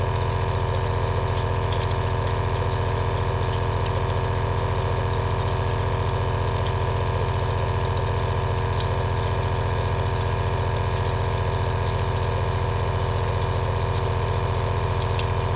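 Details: Aerosol nebulizer compressor running steadily, from a 2-hour relaxing ASMR recording: constant low mechanical hum with rapid, regular pulsing and a slight rattle, unchanged throughout.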